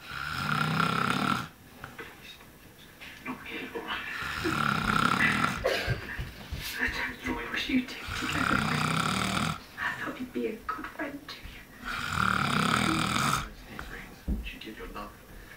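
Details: Heavy snoring while sleeping: loud, rattling snores on each breath, about four in fifteen seconds, with rough fluttering sounds between them.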